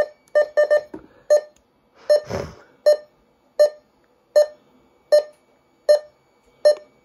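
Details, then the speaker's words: Datex Ohmeda 3900P pulse oximeter measuring the speaker's own pulse, beeping regularly once per heartbeat at about 79 a minute, with pitch changing with oxygen saturation. "so it's beef into my pulse and it's changing it'll change picture according to my oxygen saturation"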